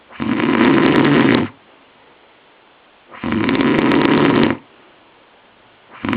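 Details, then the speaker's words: Sleeping man who claimed he never snores, later diagnosed with chronic sleep apnoea: loud, harsh rattling snoring breaths about every three seconds, roughly 20 a minute, with quiet gaps between. "He swore he never snored... ...so I filmed him. Loud, isn't it? But he's only warming up."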